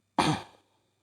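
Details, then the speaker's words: Adult man lecturing with an ongoing cough: single abrupt cough with sharp onset and fading tail. "मेरी जो है काफ़ी मतलब कि खांसी आ जा रहा है, आप देख ही रहे होंगे, तो इसके लिए माफ़ी चाहूँगा।"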